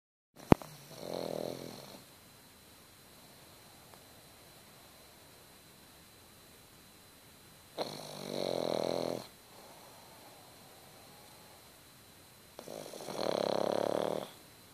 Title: Snoring pug.... Still awake!